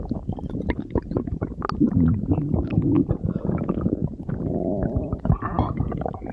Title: stomach growling